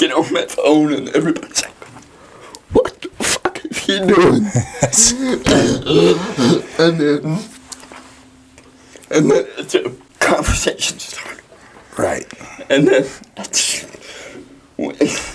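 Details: Dysarthria in a 23-year-old man with cerebral palsy.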